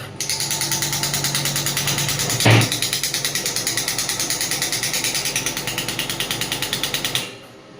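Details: Biotronix pneumatic ballistic ESWT device (5–12 bar, run at full) firing, demonstrated without a patient: rapid rattling train of sharp clicks, about three per second, with one louder thump; radial shockwave therapy.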